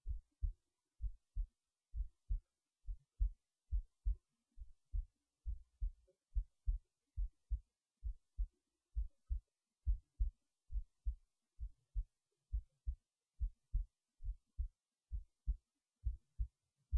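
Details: Heartbeat recorded late at night while resting in bed before sleep: regular paired low thumps at about 68 beats a minute; normal resting heartbeat.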